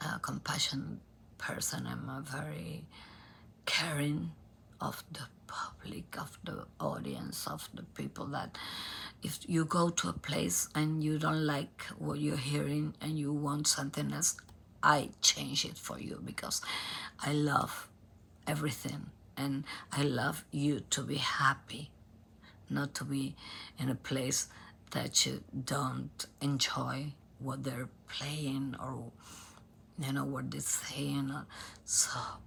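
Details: Adult female singer diagnosed at Cleveland Clinic by nasal endoscopy with abductor spasmodic dysphonia, in which spasms of the vocal cord muscles open the cords; onset 2015, worsening; repeated Botox injections.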